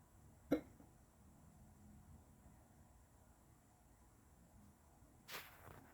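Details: Hiccups: two short, sharp hiccups about five seconds apart against quiet room noise.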